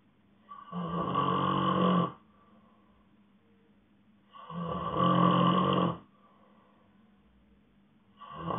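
Loud, rough, rattling snores lasting about a second and a half each, with quiet gaps between, about 16 per minute: steady snoring in sleep.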